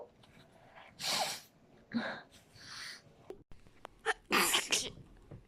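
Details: Japanese women sneezing and blowing noses: several sharp, high, airy sneezes and snorting nose sounds, a quick run of bursts near the end.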